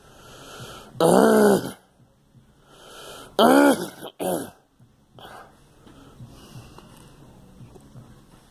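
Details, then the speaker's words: Three strained, voiced, throaty coughing bursts with a retching quality in a few seconds, from a person with a lingering cough bringing up clear phlegm, which they say began after a flu shot, with vomiting; wet productive cough. "It's part of all its phlegm. Damn it. This fucking cough will never go away."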